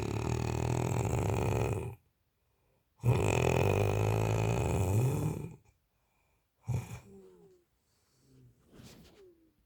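Long, loud, rough snoring breaths with silent gaps between them, then softer snorting breaths. Heavy sleep snoring.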